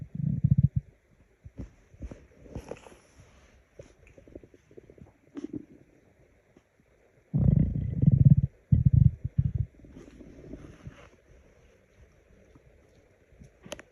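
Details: Person's stomach growling from hunger: low, irregular gurgling rumbles with two louder bursts and quiet gaps between; borborygmi.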